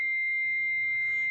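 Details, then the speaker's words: AED analyzing heart rhythm during child/infant AED use training, no one touching the person: steady high electronic tone before a shock is advised. "make sure no one including you is touching the person say clear in a loud commanding voice don't touch person analyzing"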